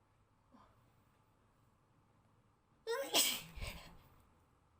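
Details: Sneezing during a Covid-19 PCR nasal swab test: a quick in-breath, then a sharp, forceful swab-induced sneeze and a softer trailing sound.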